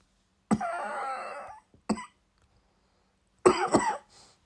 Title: I hate sheep (sorry about mid cough )